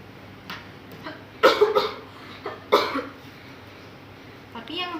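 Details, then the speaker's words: Simulated cough acted by students in a demonstration of cough etiquette: two short, harsh coughs, each with a quick follow-on burst, in a small quiet room. "Tapi gue lagi batuk. Nanti lu ketularan gue."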